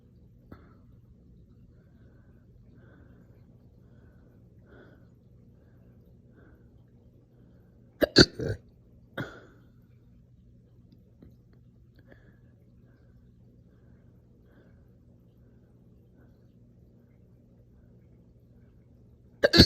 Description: Some slow but super aggressive hiccup burps after breakfast this morning. These hurt so bad.